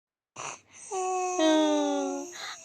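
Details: Cough from a young child, sick with a cough.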